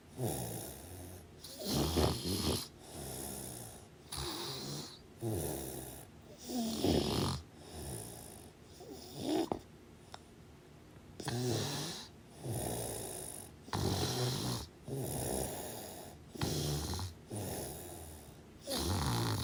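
Loud, rough snores rise and fall in an irregular rhythm, about 12 a minute, with a brief quiet pause. Ongoing snoring during sleep.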